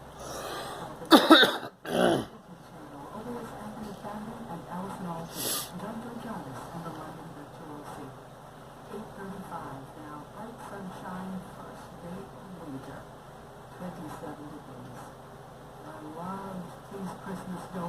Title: Girl coughing